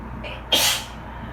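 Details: A person allergic to bleach, sitting in the bath after cleaning with it, gives one sharp sneeze after a brief indrawn breath, over a steady dryer and A/C hum: allergic sneezing.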